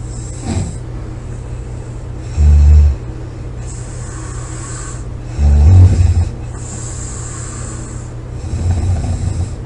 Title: snoring, loud snoring,코골이 July 26 2017